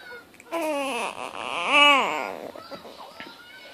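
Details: Fussy cry rising and falling from a 3-week-old infant who has hiccups, with an adult soothing nearby; infant cry.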